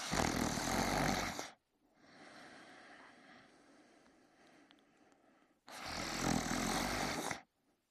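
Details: Person sleeping in bed; two loud, harsh, rattling breaths with a quieter pause between them; snoring during sleep.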